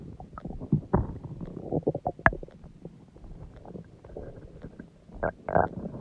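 Loud, prolonged gurgling and rumbling with bubbly pops; stomach growling from gas and fluid moving through the gut.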